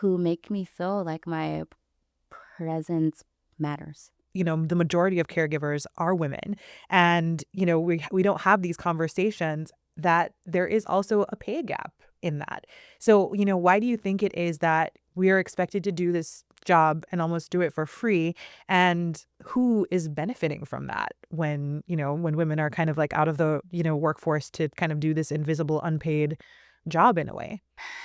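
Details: Adult woman, a caregiver, who self-identifies as a person who stutters, speaking in conversation; stuttering.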